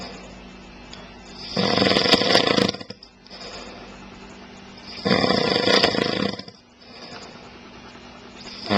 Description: husband snoring after first day on holiday.... caught by wife on videocamera